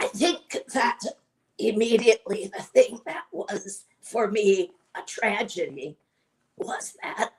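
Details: Adult woman with chronic dysphonia, a voice disorder, speaking; dysphonia.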